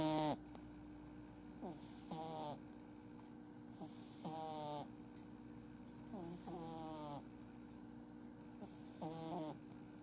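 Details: Snoring in a sleeping male Exotic kitten with a flat nose and a round face, born July 2018, who snores whenever he sleeps: rhythmic brachycephalic snoring at about 27 breaths a minute with a low steady background hum.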